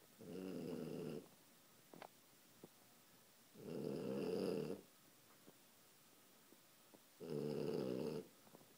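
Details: Pet sleeping upside down on a chair, snoring: long, rumbling snores, each about a second, roughly 17 a minute, with quiet pauses between them.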